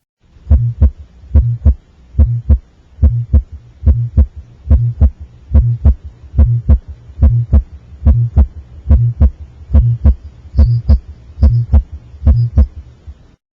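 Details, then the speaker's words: Young febrile child with mild upper respiratory infection, clear lungs, normal breathing: regular heartbeat near 70 a minute with a soft, musical systolic vibration best at the left lower sternal border; innocent Still's murmur. "you listen to her heart and you hear a musical vibration like a baby harp it's soft it's systolic you hear it best at the left lower sternal border"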